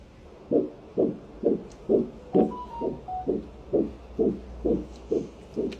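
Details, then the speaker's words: Early pregnancy ultrasound, gestational sac and placement normal for gestational age: regular whooshing fetal heartbeat about 126 to 130 a minute on Doppler, stated 126 and normal for the week. "Anasına, atasına bir ürək döyüntüsünü eşitdirək."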